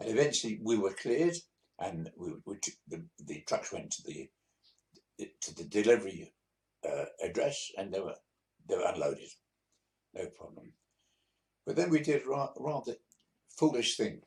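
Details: 82-year-old man, a few months after a mini stroke, practising speaking to recover; disfluent speech with hesitations and word repetitions after minor stroke.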